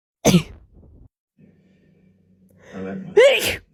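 Two sharp explosive sneezes with soft breathy sounds between them; ordinary sneezing.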